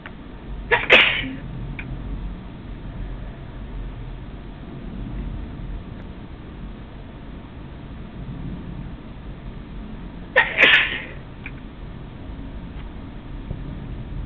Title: sneezing some more